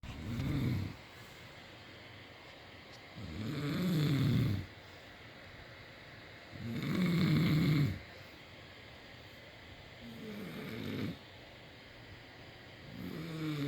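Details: Slow, loud rattling snores on each breath in, about 18 a minute, with quiet pauses between; ordinary snoring.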